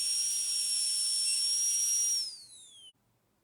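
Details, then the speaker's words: Air-driven high-speed dental drill with a steady high-pitched whine that drops in pitch and stops as it spins down, used with a flat tapered bur for axial and lingual depth grooves on tooth 46 for a metal-ceramic crown (demonstration). "I am going to use a flattened tapered burr for this preparation. Same way I am going to give the depth grooves on the lingual surface also and then do the lingual preparation."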